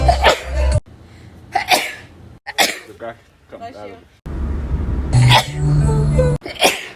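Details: A 2020 sneeze compilation: several sharp sneezes from different people, cut together with music and chatter in between.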